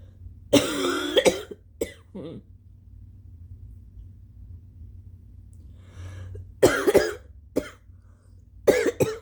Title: MORE Stuffy nose blows w/ wet, phelgmy coughing 🤧😫💦